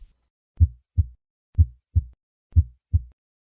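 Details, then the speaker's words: Simulated heart sounds of hypertrophic cardiomyopathy at about 60 beats a minute: a harsh systolic murmur, often loudest at the fourth left intercostal space and radiating widely, which decreases with a handgrip maneuver. "The murmur of hypertrophic cardiammyopathy decreases with a hand grip maneuver. Listen once again to a patient with hypertrophic cardiammyopathy."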